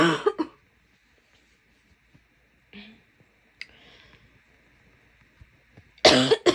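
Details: Female coughing: a few short coughs at the start and a louder cough burst at the end over quiet room hiss; an ordinary cough.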